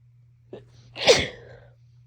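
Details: Adult with a cold and heavy nasal congestion: a quick inward catch of breath, then one forceful, wet-sounding sneeze.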